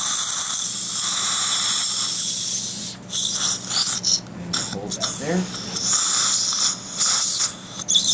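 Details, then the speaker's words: Dental implant drill whining with short pauses during stent-guided implant surgery in the upper jaw, run through the surgical guide, with hiss and brief room sounds. "there and then we switch over to the next side drill which is the narrow the drill"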